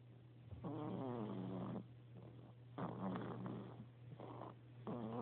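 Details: Mav, a resting animal, giving soft, fluttering breaths in slow cycles over a steady low hum; gentle snoring.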